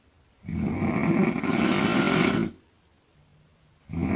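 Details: Loud, rough snore lasting about two seconds, then a quiet pause before the next; 42-year-old woman snoring loudly in bed.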